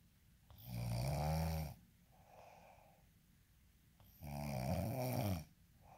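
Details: Snoring ASMR recording: two loud, rattling snores on breathing in, each followed by a quieter breath out, in a small quiet room.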